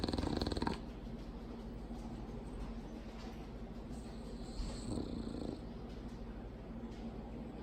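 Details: Female bulldog snoring loudly; continuous low, rumbling breathing with rougher bursts every few seconds; heavy snoring.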